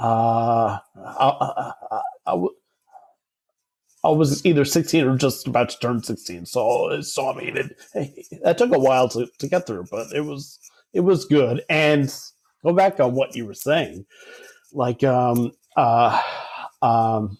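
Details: Adult man who has stuttered since about age 5 or 6 and had speech therapy from age 5 to 18, heard in conversation; stuttering.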